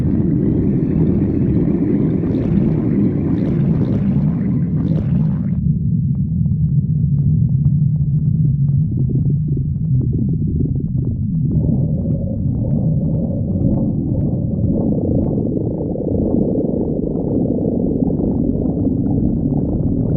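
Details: Stomach growling: continuous low rumbling and gurgling from the belly as gas and fluid move through the gut.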